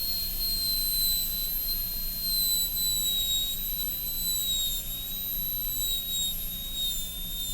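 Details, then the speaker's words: High-speed dental handpiece smoothing the occlusal outline of an MOD amalgam preparation on tooth 29 of an Acadental typodont, burr leaning lingually, in a teaching demo: steady high-pitched whine with slight wavering over constant low hiss. "Again, making sure the burr is always leaning a little bit lingually."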